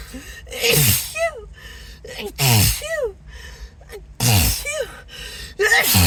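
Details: Acted, announced sneezing fit with apologies; the person suspects an allergy to something. About three loud sneezes in six seconds, each preceded by a gasping in-breath.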